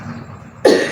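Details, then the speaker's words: Low room noise, then one abrupt harsh cough burst near the end, from a patient with cough during alternative spice-smoke inhalation therapy, described as a quick reaction to the smoke; cough. "nah ini reaksinya cepat sekali jadi batuk harus diserang dengan batuk"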